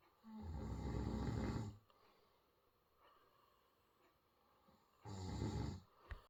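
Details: Two loud, rough, low rattling inhalation snores about four seconds apart with quiet breathing between, from an adult asleep: snoring.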